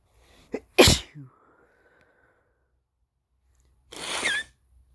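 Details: Adult man, lingering illness, deliberately induced sneezing: a sharp inhaled catch, a loud wet sneeze, then a second wet sneeze.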